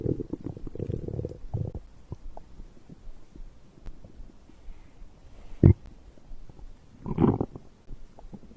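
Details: Stomach growl after drinking a beverage: irregular low gurgles and rumbles with a few sharper pops amid quiet stretches, ordinary digestion bowel sounds.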